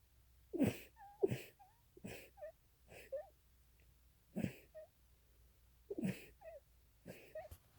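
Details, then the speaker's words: Stifled allergic sneezes, deliberately held back while surrounded by allergens, mainly flowers: seven short, sharp nasal bursts, each followed by a thin squeak, in a quiet room. "I'm surrounded by all my allergies, like things I'm allergic to, and I'm gonna try to hold back. Okay, we'll see how this goes. My nose is so tickly."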